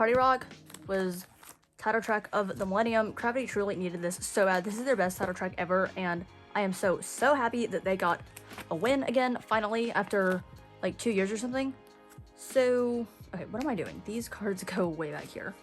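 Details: Woman with dysphonia the day after screaming heavily at a concert; her voice is audible but stuck on a single pitch; dysphonia after vocal strain (restricted pitch range).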